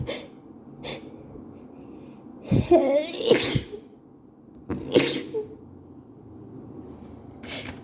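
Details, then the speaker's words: Two forceful sneezes with gasping intakes, part of a repeated allergic sneezing fit; the sneezer is at work and reports allergies triggered by a co-worker's bathroom and night allergies. "I'm at work and I just got allergic to co-workers bathroom and I really need I got I got I'm sorry."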